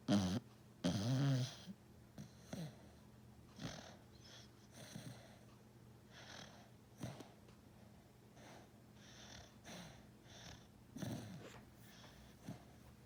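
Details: Sleeping pet snoring: soft, repeated snuffling breaths about one a second, with a few louder snorts at the start; gentle snoring.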